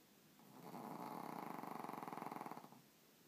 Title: Bunny snoring